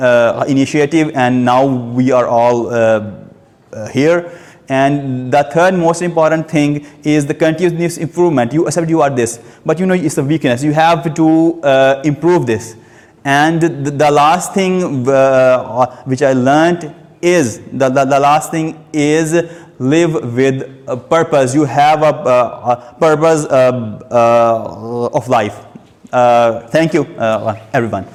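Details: Adult male who has stammered since age two, giving a speech at a stammering-support public-speaking session; stuttering.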